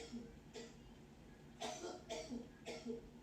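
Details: Four short, harsh coughs in quick succession from an adult, with faint sung audio in the background.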